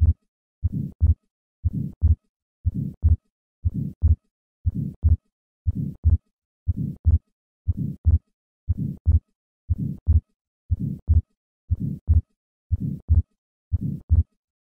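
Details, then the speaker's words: Atrial septal defect heard at the second left intercostal space with the patient sitting up: regular heartbeat near 60 a minute, a grade 2–3 systolic flow murmur across the pulmonic valve, and a fixed split second sound. "the opening between the atria that allows left to right shunting is acoustically silent however the increased flow across the pulmonic valve produces a grade two to three systolic murmur"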